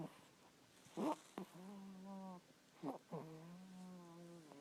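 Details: Snoring from a sleeping person.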